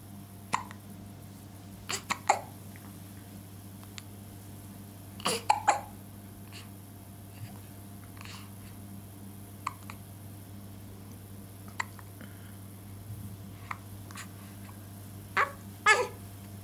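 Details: Short, soft catching sounds repeat every few seconds over a quiet room hum; infant hiccups.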